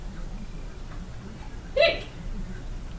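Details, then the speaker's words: Hiccup in a hiccupping baby, with the mother imitating the hiccups: a single short, sharp voiced hic over steady room noise. "Oh, you had a hiccup. Hic."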